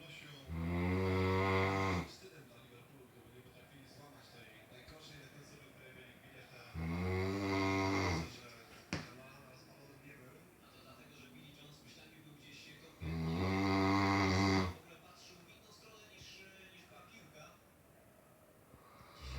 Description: Great dane snoring like human !!! :)